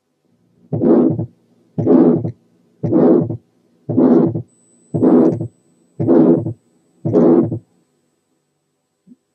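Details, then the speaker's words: Long, harsh ejection systolic murmur heard over the pulmonary area, about 57 beats a minute, in congenital pulmonary stenosis; second sound split with delayed, slightly diminished pulmonary component from prolonged right ventricular systole. "الأولى بتبقى هارش وطويلة، ودي بتاعت الكونجنيتال بالمونري ستينوز زي الآتي."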